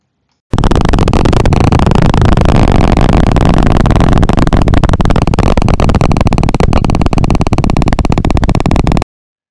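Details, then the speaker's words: Needle EMG: loud, deep, thudding repetitive motor unit firing; neurogenic motor unit potentials that are larger, longer in duration and more polyphasic, from increased muscle fibre density after mature reinnervation. "neurogenic motor unit potentials which are larger have a longer duration and are more polyphasic"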